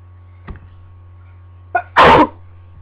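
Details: A faint breath and sharp inhaled catch, then one loud explosive sneeze over a low room hum, from a person with a lingering cold.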